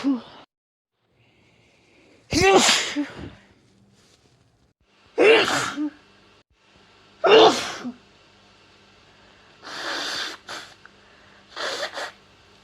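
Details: Adult woman with a head cold, from recent days, gives three loud voiced sneezes followed by harsh nasal blowing bursts; sneezing.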